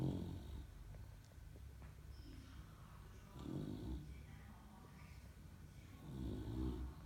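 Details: Loud, low, rattling snores with snorting, rising and falling with each breath, from a young English Bulldog puppy: snoring.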